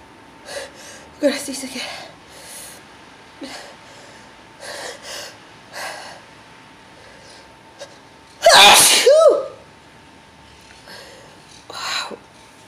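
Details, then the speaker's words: Paroxysmal sneezing: a very intense run of rapid back-to-back sneezes with gasping breaths between them, the last loud and forceful; the person says they cannot stop and mentions their eyes. "Oh. Oh, goodness, it's okay. Wow. Oh, God. Ah, phew. I can't stop, Stacy. Ah."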